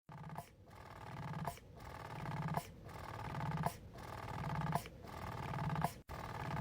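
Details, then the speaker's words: Electric breast pump used by the mother of 2-week-old twins, 20 minutes every 3 hours: a rhythmic mechanical hum with a suction cycle building and releasing with a click about once a second, running normally. "This is how I spend 20 minutes every 3 hours of my day, just pumping away."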